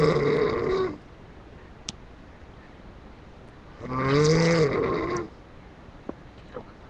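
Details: Loud, rough, low-pitched snores about three seconds apart, separated by quiet breathing pauses with a couple of faint clicks; ordinary snoring.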